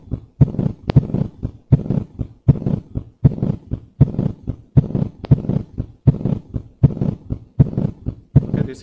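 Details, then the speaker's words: Teaching recording, regular rhythm near 79/min: long blowing pansystolic murmur masking S1 and S2, S1 muffled; a mid-diastolic murmur and an S3 are also present; pansystolic murmur of mitral regurgitation. "a pan systolic M you are hardly able to hear S1 or S2 okay S1 is muffled"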